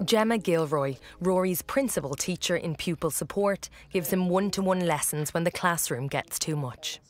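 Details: Adult narrator; normal speech.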